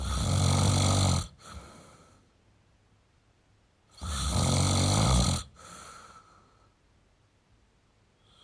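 Loud, rough inspiratory snores about every three seconds, each followed by a softer breath out; ordinary snoring.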